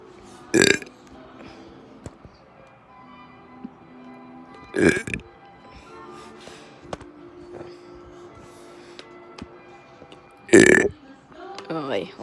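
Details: 13-year-old burping deliberately: three loud burps spaced several seconds apart, with music playing in the background.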